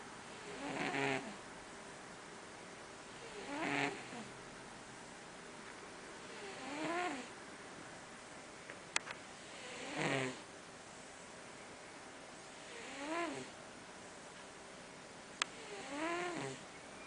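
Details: Soft, whistling snores, about six in seventeen seconds (roughly 20 breaths a minute), from a sleeping tomcat resting between mousing, with faint room hum; snoring.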